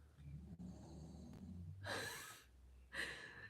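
Two rough, snorting breath noises about a second apart over a low room hum: a dog snoring in a small room.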